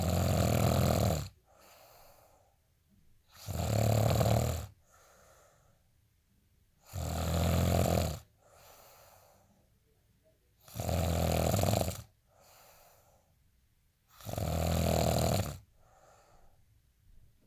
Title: day in life snoring asmr sound 241